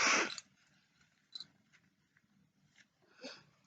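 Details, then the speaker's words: Simulated sneeze acted out in a children's lesson about germs: a single loud, explosive sneeze burst followed by quiet room sounds. "Now, I just sneezed everywhere. And it got all over. Do you see all of those germs? When I sneezed, all of those germs went everywhere."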